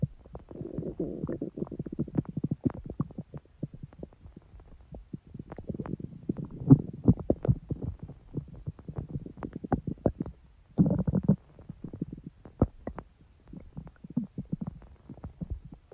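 Long run of gurgling, bubbling and popping rumbles with quiet gaps between them. Ordinary bowel sounds of a growling stomach.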